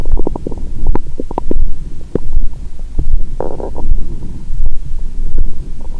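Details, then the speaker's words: Active bowel sounds heard through a stethoscope on the abdomen of an adult after a large Christmas dinner with wine, taken after a 22-hour fast. Constant gurgling and rumbling over a steady thudding pulse, which is fast after alcohol. "यहाँ से, पेट की आवाज़ों का अनुवाद करना वाकई कठिन था, और मैं टाइम स्टैम्प🙇 भी नहीं बना सका। मेरा पेट हर समय गड़गड़ाहट कर रहा है।"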